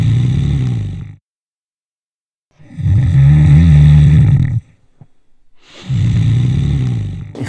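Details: Heavy snoring during sleep, presented in the context of snoring and sleep apnea: three loud, low, rumbling snores on successive breaths, separated by quiet pauses.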